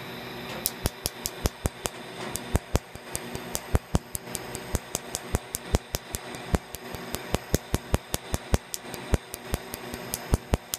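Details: Sharp snapping clicks, roughly one a second, over soft room hum: Quanta Q-switched laser with Optibeam pulsing on old tribal tattoo ink on the inner arm, second treatment, about 50% clearance after three sessions.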